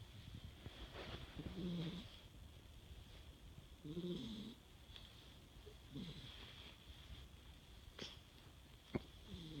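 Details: Soft, low snorting snores at intervals of a few seconds over faint room hum, light snoring.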